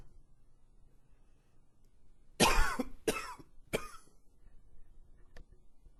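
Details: Three harsh, forceful coughs in quick succession, the first loudest, in a short bout during a coughing fit.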